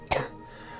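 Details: Single short, sharp cough burst from a man, with quiet room noise afterward; coughing.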